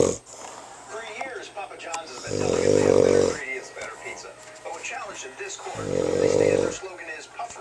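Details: Man asleep at home with the TV on: two loud, buzzing, vibrating snores about 3.5 seconds apart, with television talking in the background; snoring.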